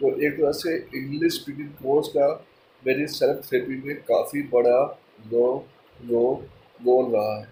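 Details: Stammering in a person who stammers, speaking mixed Hindi and English; finding: stammering.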